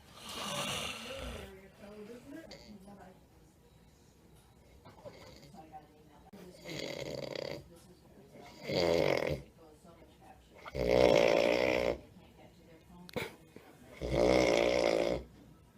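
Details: Loud, rattling, buzzing snores about every two to three seconds with quieter breathing between, from an adult man asleep at the dentist who doesn't use his breathing machine.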